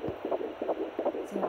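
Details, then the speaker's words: Fetal heartbeat on home Doppler at 12 weeks 5 days of pregnancy: rapid, regular whooshing pulses, roughly 160 beats a minute. "Alright, now listen, you want to hear the difference? Listen, this is baby's heartbeat."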